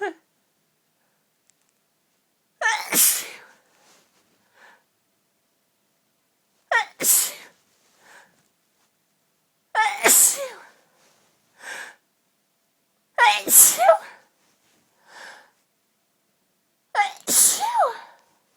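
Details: Five forceful sneezes in quick succession, each with a sharp inward gasp before the burst; a violent, rapid sneezing fit with huge build-ups, which the sneezer says had been going on for about ten minutes.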